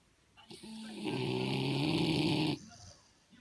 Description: Cute puppy snoring (Staffordshire Bull Terrier X British Bulldog)!